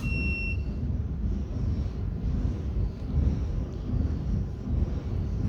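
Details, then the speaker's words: Single short, high electronic beep as an Acco portable digital 1 MHz physiotherapy ultrasound therapy machine is switched on after attaching the handle and wire, then steady low background rumble; device power-on beep. "This is the portable size digital ultrasound machine. Attach handle and wire. Switch on the machine."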